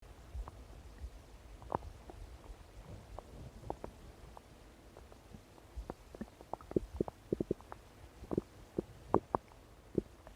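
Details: Ordinary stomach rumbling: scattered gurgles and squelching pops growing busier toward the end; borborygmi.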